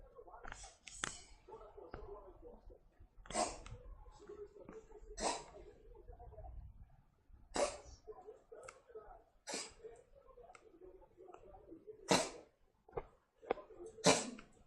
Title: Toby coughing on a hairball